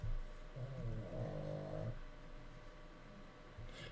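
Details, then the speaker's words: Dog snoring: a low, fluttering rumble that swells and fades over about a second and a half, with faint room noise. "H chuchi is snoring if you guys can hear that that's chuchi snoring right there"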